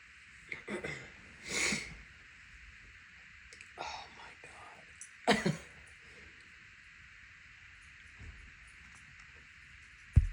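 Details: Allergy sneezing fit triggered by grass cutting nearby, with eyes watering: a few explosive sneeze bursts with soft breathing between, over quiet room noise.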